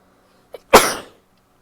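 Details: A woman sneezing after a delayed nasal itch sets in: a short in-breath, then one explosive, hissing burst, a single sneeze.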